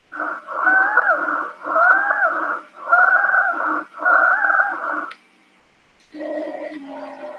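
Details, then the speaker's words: Veterinary lecture recording of wheezes: repeated continuous, musical, whistling tones with shifting pitch from narrowed large airways with reduced bronchial diameter; described as typically single-type and expiratory, possible in early bronchitis with mucosal edema or asthma. "las sibilancias son ruidos continuos errantes parecido a los silbidos audibles sobre todo en los pulmones en suelen presentarse cuando hay un estrechamiento de las vías aéreas grandes hay una disminución del diámetro de los bronquios y de los bronquios"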